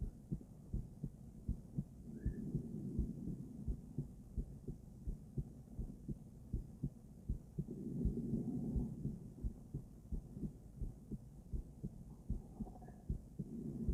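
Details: Female heart auscultated with different stethoscopes, moving through Erb's point, mitral, tricuspid, aortic and pulmonic sites; regular soft beats with slow breath sounds rising and falling behind; normal heart sounds without murmur.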